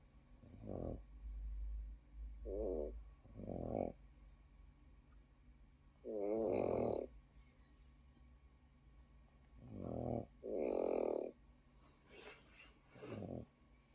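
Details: Pekingese dog startled by its own snoring: fluttering, vibrating snores in irregular bursts with snorts between. Snoring.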